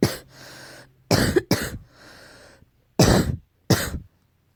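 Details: Four short, harsh, explosive coughs with hissing breaths between them; repeated coughing, tagged allergy.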